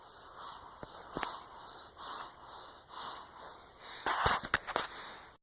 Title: Newborn snoring that'll make you smile...